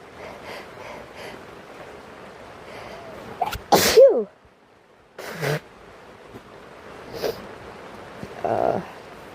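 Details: Sneeze from an adult in a tent during rain.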